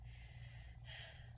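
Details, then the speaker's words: Female patient in a focused respiratory assessment who denies shortness of breath, auscultated with a stethoscope under her gown on the anterior chest; one smooth, unlabored deep breath in and out through the mouth, normal. "When I move my stethoscope, I just want you to go ahead and take a deep breath in and out through your mouth for me. Okay. So go ahead and breathe."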